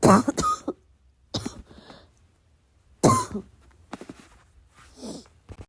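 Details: Suppressed coughing fit late at night, the person needing to cough but trying to keep the noise down.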